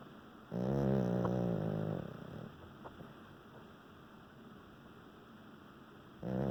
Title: Snoring Doggie